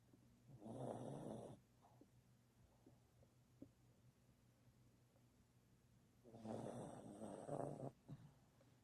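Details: Sleeping dog: two long rumbling snores on inspiration about six seconds apart, quiet breathing between; snoring.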